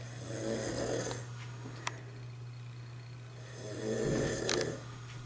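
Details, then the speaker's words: A man asleep with a baby after falling asleep watching TV: two slow, rumbling snores a few seconds apart over a steady electrical hum, with a faint click between; snoring. "they fell asleep watching the bre let me turn the TV down so we can hear the snoring get the full effect"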